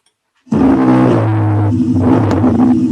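Low-pitched, continuous rumbling, snore-like breath sound: rhonchi, much deeper than a wheeze.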